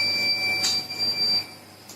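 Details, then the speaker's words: Continuous high-pitched alarm from a Nidec UNO 10 (10 LPM) home oxygen concentrator, signalling that its power supply has been interrupted; the unit restarts automatically when power returns. "This machine has alarm system facility. If there is any problem with the power source, see, the machine is giving continuous alarm. This means the power has interrupted,"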